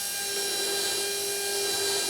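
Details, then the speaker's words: Surgical drill with a 12 mm drill stop preparing the osteotomy for narrow-diameter implants in the anterior mandible, to stabilise a lower denture: steady high-pitched motor whine. "Next step is I take my 1.2 two on a 12 mm drill stop and I line up according to where I'm going to bodily position my implant"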